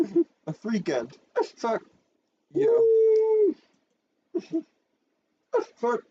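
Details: Person who says they have Tourette syndrome; frequent censored interjections likely vocal tics during ordinary speech: vocal tics (Tourette syndrome)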